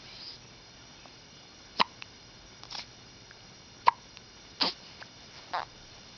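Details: Hiccups: short, sharp, irregular hiccup sounds, about five in six seconds, over a quiet background.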